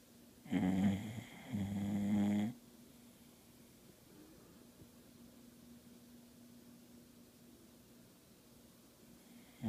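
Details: Snoring during sleep: two loud, low, rumbling snores close together, then quiet room noise with a faint steady hum.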